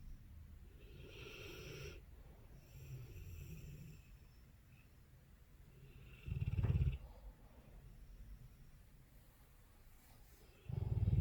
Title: Dogue of Bordeaux snoring